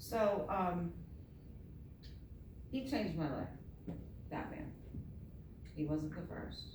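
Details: Adult woman with myasthenia gravis since age 7 (about 45 years), palate not working so air escapes through the nose, reading a passage apparently without her custom palatal device; hypernasal speech.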